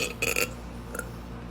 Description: Here’s a compilation of burps and farts for you.